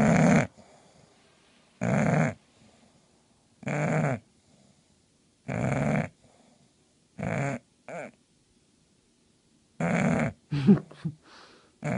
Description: An English bulldog dog sleeps and snores loudly indoors.